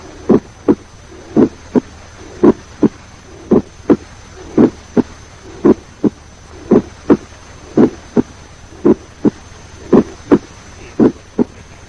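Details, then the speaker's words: Slow regular heartbeat about 57 a minute with split first heart sound over the tricuspid area, mitral component preceding tricuspid (M1, T1); often normal in young adults. "Now pay attention to the first heart sound and its splitting. This may be heard normally in many young adults over the tricuspid area. Here the mitral component precedes the tricuspid component, that is M1, T1."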